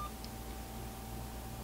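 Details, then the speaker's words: Brief electronic key-press beeps from an IV infusion pump keypad over low hum while setting up a new critical-care patient for a continuous dobutamine infusion in a nursing demonstration. "so we're going to say this is a new patient and we are in critical care so confirm"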